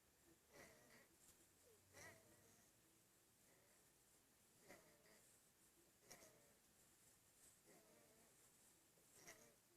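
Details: Infant (Andy) breathing hard: faint, noisy breathing with a rough, grunting edge, about 40 breaths a minute; laboured breathing.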